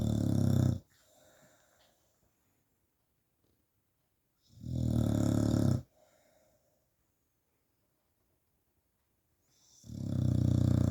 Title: My lazy staffy snoring